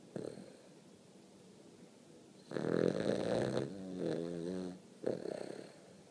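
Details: Snoring: a vibrating snort followed by a fluttering, tonal snore and a short snuffle at the end.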